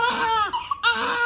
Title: Baby keeps on crying, July 5, 2022,